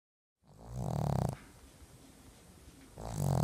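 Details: Pug, a short-nosed dog, snoring while napping: loud, deep, rattling snorts on each breath, heavy snoring.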